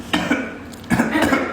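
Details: Adult's spontaneous real cough during a live stream, after a faked cough turned genuine: two brief clusters of short, harsh, partly voiced coughs in a small room.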